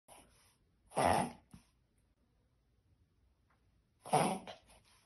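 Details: Yorkshire Terrier dog having a reverse sneeze episode: two harsh, noisy snorting bursts.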